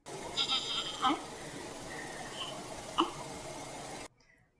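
Short, low voiced grunts recur about every two seconds against a steady hiss, one on each breath out: expiratory grunting, a sign of respiratory distress.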